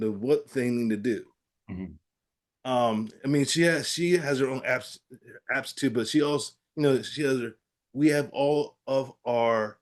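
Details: Adult man with aphasia following a stroke, real patient in recovery with therapy-app practice; aphasia.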